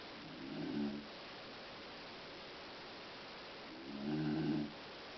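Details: Soft snoring: two low, rumbling breaths with a steady hiss between them.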